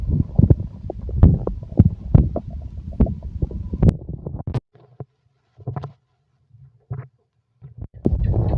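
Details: Stomach growling (borborygmi): irregular low gurgles, pops and rumbles from the belly, first a dense run, then scattered bursts between silences.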